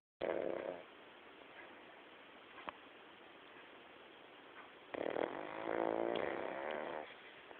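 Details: A female dog (hashtag King Charles) snores in a quiet room: a brief rattling snore, a pause, then a longer, louder fluttering snore.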